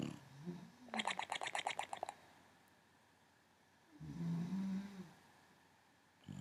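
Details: Sleeping Boxer rescue dog in foster care snoring: two slow, low rumbling breaths a few seconds apart, separated by a brief burst of rapid sniffing or snorting.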